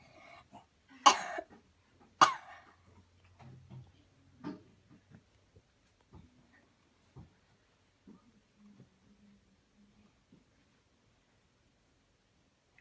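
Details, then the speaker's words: Adult gives two sharp voluntary coughs on instruction after deep breaths during a cleansing-healing coughing technique demonstration; quiet room with faint movement afterward. "Here we go. Breathe in deep, deep, deep, cough. Cough again."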